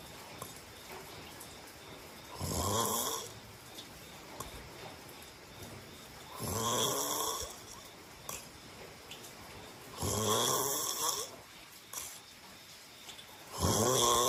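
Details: Person's snoring: harsh, fluttering snores on each breath in, about 17 breaths a minute, over steady room hiss.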